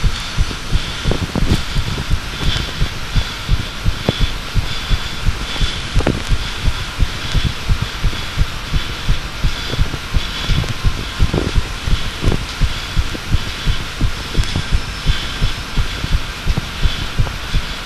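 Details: Steady, regular heartbeat, about 85 beats a minute, under heavy hiss and rubbing noise; a second attempt at recording a heartbeat.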